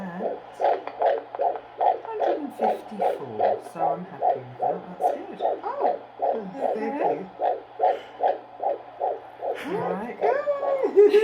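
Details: First-trimester fetal heartbeat on Doppler at a prenatal appointment: fast, regular whooshing pulses about 150 a minute, within the normal fetal range; single baby, though her mother suspects multiples.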